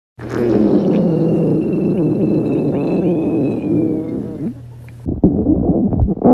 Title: お腹が鳴る女の子 A girl's stomach growling